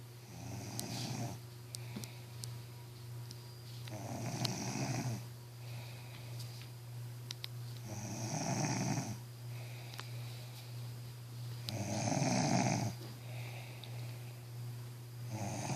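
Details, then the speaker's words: Loud, rough snoring from a woman on each breath in, about four snores over fifteen seconds, with a steady room hum; she is said to snore like a pig. "I told you she snores like a pig. Something, I told you she snores."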